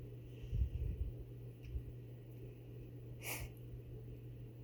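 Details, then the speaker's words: Cat that has been sneezing and sniffling a lot, which the owner says is not allergies, while playing with a feather toy: a single brief, sharp nasal burst over a low hum and faint snuffling; sneeze. "She's been sneezing a lot. It's not allergies. She can still meow and stuff, but she's been sneezing, sniffling a lot."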